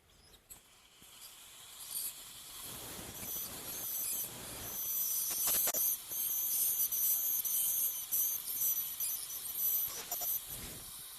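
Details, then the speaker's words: Piezoelectric ultrasonic bone saw starting vertical and horizontal crestal osteotomies in dental sinus surgery, about 5 mm distal to the canine root: high-pitched whine with hissing spray rising and falling as it cuts bone. "the vertical and the horizontal crestal osteotomies for that I'm going to use the bone saw"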